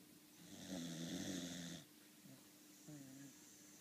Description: Video of my dog molly snoring.